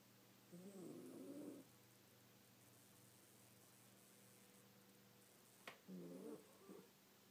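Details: A sleeping pet snoring: two soft, rough, fluttering breaths over a steady low hum.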